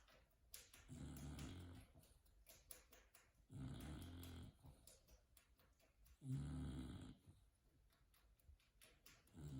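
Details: Sleeping bulldog on a couch: low, rumbling snores about every three seconds, near 20 a minute, faint clicking room noise between; snoring.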